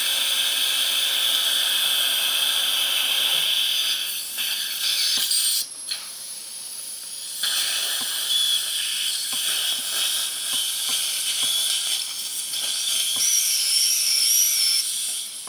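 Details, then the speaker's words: 62-year-old man, dental implant surgery at lower left #36 with guide: dental implant drill with water spray whines and hisses cutting hard bone; 5.0 tapered drill used about 50 percent, then TS3 4.5 x 10 mm implant placed. "The bone was quite hard. So 5.0 tapered drill was used approximately 50 percent and TS3 4.5 by 10 millimeter implant is placed."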